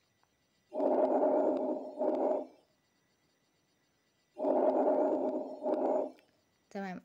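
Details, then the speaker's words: Normal vesicular breath sounds: soft, rustling, like air through tree leaves, long inspiration flowing without a gap into a very short expiration. "هو الكر بري ساوند من غير جاب مافيش مسافه ما بين انسبيريشن وا اكسبيرشن وانت بتلاقيه ان هو خد انسبيريشن في وقت اطول بعد كده اكسبيرشن هتلاقيه كده ان هو قصيره جدا"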